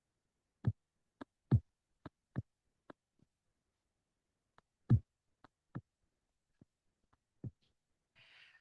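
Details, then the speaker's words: Heart auscultation with low thumps and an extra soft beat just before S1 ("la-lub-dub"), from blood filling a very stiff, thick ventricle: a fourth heart sound (S4). "And in that stiff, thick ventricle, and it drops, that turbulent flow is what you hear. And it usually hears like lalub-dub, lalub-dub, lalub-dub."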